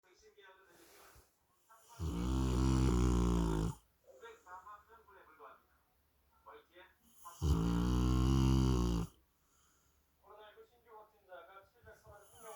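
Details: Sleeping big dogs, a Rottweiler and a Labrador Retriever, snoring as a pair: deep, loud, buzzing snores nearly two seconds each, separated by softer breathing.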